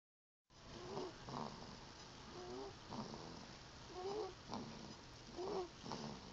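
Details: One-month-old sleeping animal: soft, rhythmic snuffling snores with faint squeaky notes, about 39 a minute; ordinary snoring.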